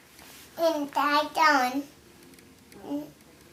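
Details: 3-year-old child with childhood apraxia of speech answering a clinician's question; shown as a clinical example.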